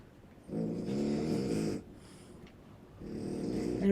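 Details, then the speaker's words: A pet dog sleeping in the background of a quiet room gives two rough, rattling snoring breaths with snorts; ordinary sleep snoring. "Once again, as usual, you can probably hear my dog snoring [snorts] in the background. He doesn't like to be left out."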